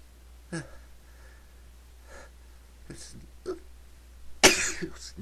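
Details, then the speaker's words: Several faint short bursts, then one loud sharp explosive burst of air near the end: a sneeze, one of repeated sneezes. "again. Sneeze again. Another that"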